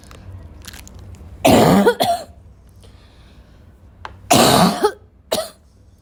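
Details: Afternoon coughing fit in a girl, starting weak and gradually becoming violent: two bouts of harsh, forceful coughing, about four coughs in all, in a quiet room.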